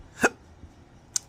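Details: Man with chronic, intractable hiccups unresponsive to known treatments, speaking about losing his acting and surgical tech careers: a single sharp hiccup, followed by a brief click about a second later.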